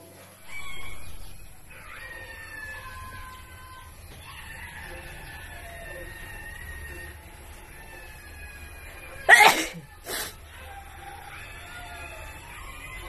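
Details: Two sharp, wet sneeze bursts close together, described as wet, wide-nose sneezes, with birds and outdoor background sound; sneezing.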